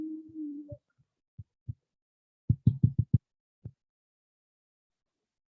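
Short, dull low thumps of heart sounds, unevenly spaced, after a brief steady tone at the start.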